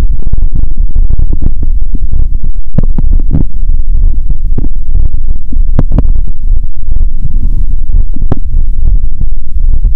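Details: Woman hungry after over 15 hours of fasting, using her first stethoscope on the abdomen before a cola-and-Mentos challenge. Continuous deep rumbling with irregular gurgles and bursts. Active bowel sounds.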